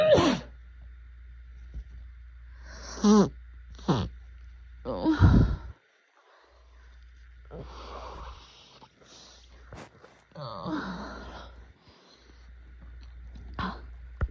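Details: Adult with allergy-season sneezing fits and no relief: a series of forceful, wet, snotty sneezes with snorting breaths between them.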